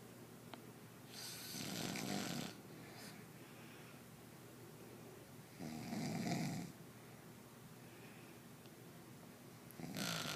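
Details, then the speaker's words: Adult snoring while asleep as partner complains: loud, rough snores on the breath in, about every four seconds, with quiet pauses between; snoring. "Why you snore so loud? I was snoring."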